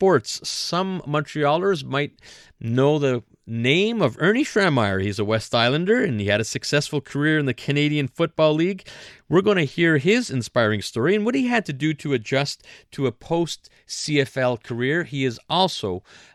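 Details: Adult male radio host; normal speech.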